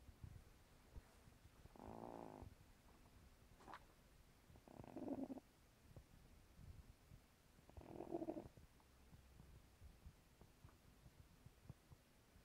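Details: Possibly the world's loudest snoring cat: a sleeping female cat over 15 years old gives three buzzy, rattling snores about three seconds apart, roughly 19 breaths a minute, over quiet room noise.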